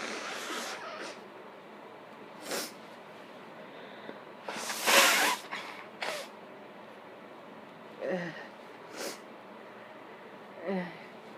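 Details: A forceful, messy sneeze with a few smaller sneezes and sniffs over steady background noise; sneezing deliberately induced by sniffing pepper.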